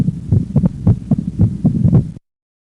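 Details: Physiologic split second heart sound, the split varying with breathing in and out, played as a teaching example.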